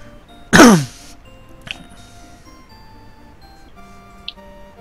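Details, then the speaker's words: Cute little sneezes from Millie, heard in the background during a live-streamed gaming session. "Ah, les petits bruits tout mignons que vous entendez, c'est Millie qui éternue hein, derrière. C'est pas un gremlin ou quoi."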